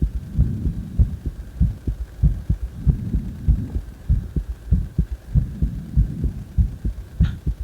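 Regular low thumping heartbeat, about 95 to 100 beats a minute, with a steady background hum.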